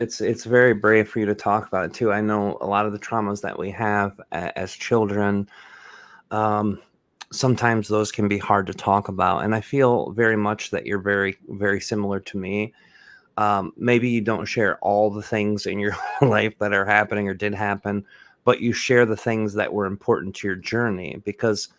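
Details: Adult male speaker; typical speech.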